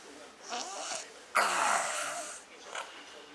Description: SNORING